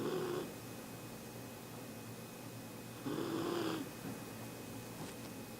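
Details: Small sleeping Bichon dog napping: two short, nasal, fluttering snores a few seconds apart over steady room hum; snoring.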